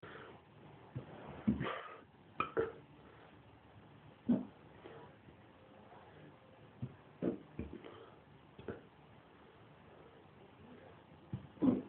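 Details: Drunk person hiccuping badly; brief, sharp, involuntary gulping sounds every one to two seconds in a quiet room: hiccups.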